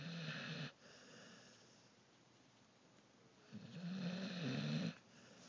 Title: Snoring Dog